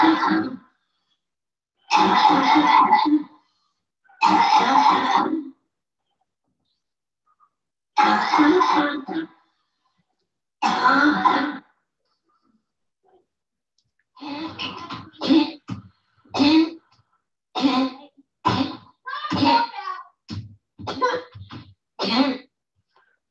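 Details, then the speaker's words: Child's home video showing habit cough occurring at least once a minute while playing; repeated harsh, honking coughs, first in longer bursts, then a rapid run of about a dozen short coughs: habit cough. "There was another cough. So at least once a minute, okay, he's got a cough."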